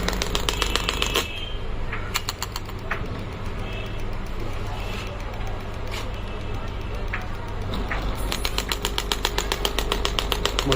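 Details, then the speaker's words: Pneumatic shockwave therapy device for pain management, with adjustable energy in bars and frequency, started from the handpiece: rapid, steady mechanical tapping pulses about two or three per second over a low machine hum. "Once you press the start button and the start button in the handle, then it will start working."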